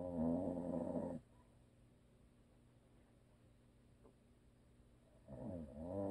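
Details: A husband who is a habitual snorer, asleep: loud, buzzing, rattling snores separated by a quiet pause of about four seconds.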